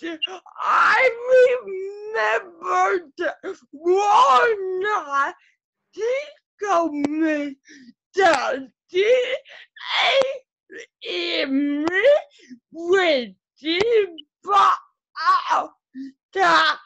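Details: Adult woman with cerebral palsy whose muscles get tighter as she gets excited; dysarthria.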